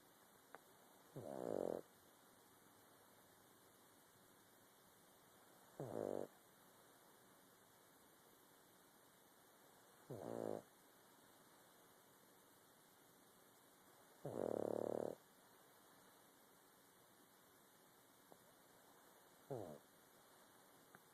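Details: A sleeping pug snoring, with five short, low, rattling snores at irregular intervals over about 20 seconds in a quiet room.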